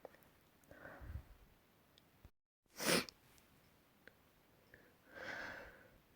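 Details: A short, sharp sneeze burst between quieter breaths and a sigh-like exhale in a small room; one of several sneezes recorded the previous week.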